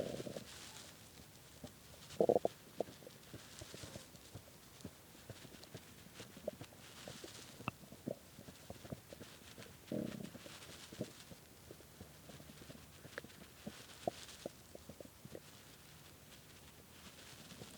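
Repeated gurgling and bubbling rumbles from the belly, some louder bursts: stomach growling from hunger, a normal bowel sound.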